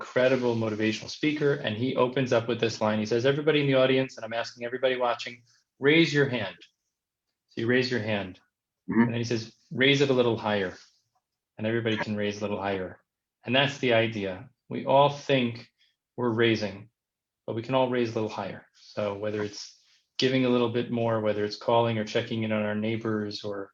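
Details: Adult man speaking; typical speech.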